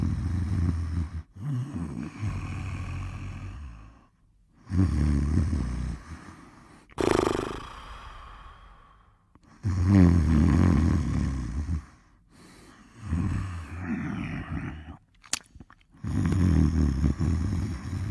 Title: Baloo Sleeping and Snoring in 1 Minute and 31 seconds